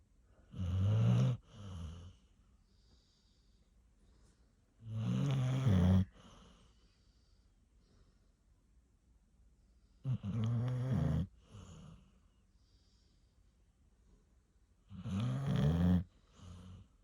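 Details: Dog snoring during sleep: loud, low, honking snores on each breath, about 13 breaths a minute, with quieter puffs between.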